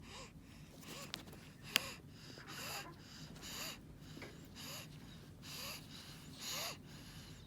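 Rapid, noisy breathing with a harsh, high-pitched crowing sound on each breath, typical of stridor.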